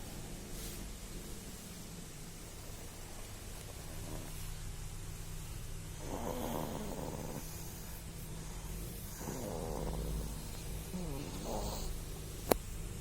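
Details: Infant snoring in sleep while being stroked by father: soft, rough snoring noises at intervals against steady low room noise.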